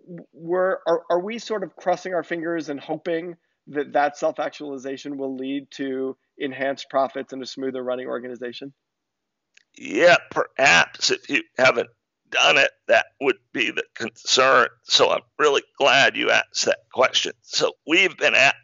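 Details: Adult man diagnosed in 2012 with spasmodic dysphonia, a rare neurological speaking disorder causing partial loss of voice; spasmodic dysphonia.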